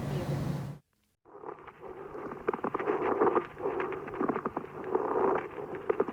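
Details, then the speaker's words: Pediatric auscultation teaching recording: coarse creaking, grating chest sound swelling with each breath, heard on inspiration and expiration, vanishing on breath-holding, unchanged by coughing: pleural friction rub from inflamed pleural layers. "Шум может выслушиваться при имитации дыхания и может изменяться при надавливании фонандоскопом и наклоне в здоровую сторону, тогда как кашель, глубокое дыхание, напротив, не изменяют интенсивность этого шума."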